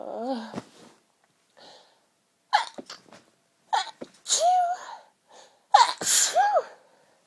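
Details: Sneezing fit after trying to hold sneezes back with the nose pinched: several voiced, partly stifled sneezes, each a sharp burst after a brief catch of breath.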